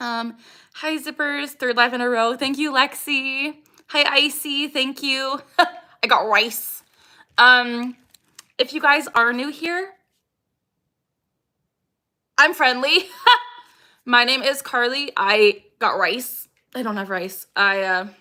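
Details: Vocal tics (Tourette syndrome) in a 26-year-old woman, diagnosed at 12 with tics since about age 3; she says her tics are very active today and include repeated phrases.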